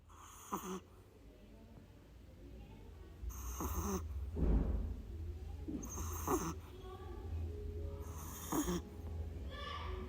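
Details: A sleeping Shih-Tzu puppy lightly snoring: short snorting snores break through a steady low hum of background noise.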